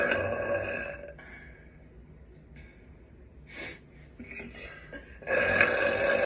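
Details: Young blonde woman burping on command: two drawn-out, voiced, deliberate belches with a quiet pause between them.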